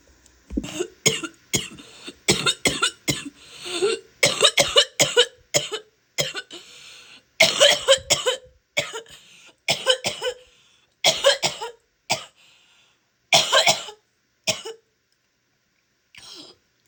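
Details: Female adult: repeated bouts of loose, rattly, wet productive coughing with spitting.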